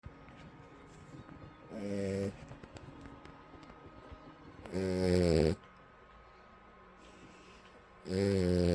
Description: The snoring dog. Legend says she'll never stop...